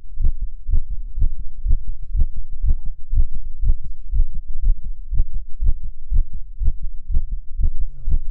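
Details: Male heartbeat in an ASMR recording: a regular, deep thumping at about 120 beats a minute, fast but steady; fast heartbeat.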